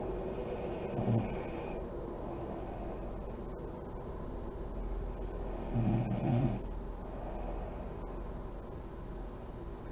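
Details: Adult woman (a mother) asleep with lights on, described as deep REM sleep: slow, deep breathing, about six a minute here, with low rumbling inspiratory snores over room hum; snoring.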